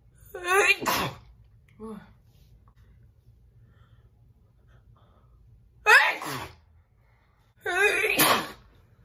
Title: Her Sneeze ll Big, Loud and Wet Sneeze